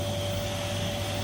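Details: An older sibling having steam nebulization at a hospital for cough and flu: a steady low mechanical hum with a constant whir of the nebulizer compressor running.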